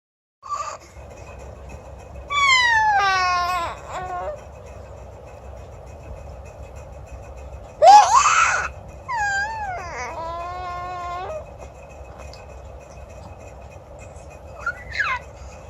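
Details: Short, loud, high-pitched wailing cries with pauses between them, from an infant described as a blue baby (cyanosis).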